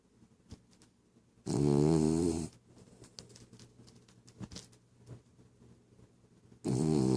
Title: My funny dog, she sleeping but she's snoring.